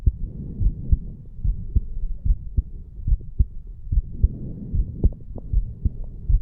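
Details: Strong, steady low thumps at about 73 a minute from a 34-year-old male, recorded over the mitral area after farmer's walk exercise: normal heart sounds after exercise.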